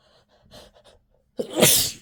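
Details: Person with a cold, thought to be stress-related, and an itchy nose deliberately induces sneezes: a few quick sniffs and catching breaths, then one forceful, explosive sneeze.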